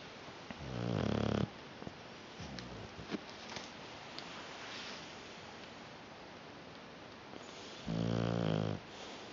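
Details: Two loud, buzzing inhaled snores about seven seconds apart with quiet breathing between; ordinary snoring in a sleeping dog.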